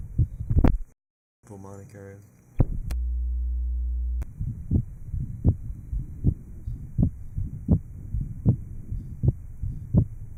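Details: Heart sounds after surgical repair of an atrial septal defect, recorded at the aortic area in 1955 at a hospital heart sound laboratory (historical recording).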